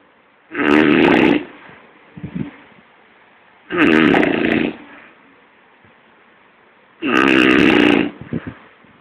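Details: Loud, rattling snores about every three seconds, each followed by a softer breath out, in a quiet room; snoring recorded in Kochi, Kerala, India.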